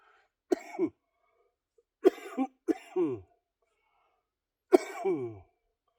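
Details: Four separate cough bursts in a quiet room, each with a rough, throaty tail, from an adult with cystic fibrosis and lung function of 46% during a back and biceps workout, winded and panting: productive cough.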